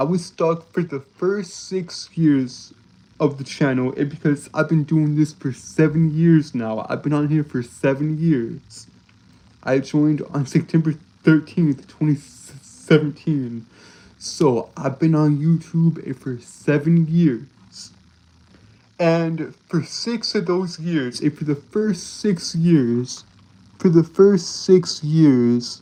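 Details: Male streamer, real speech, who reports a speech impediment that makes him stutter and trip over his words; phrases repeated over and over; stuttering.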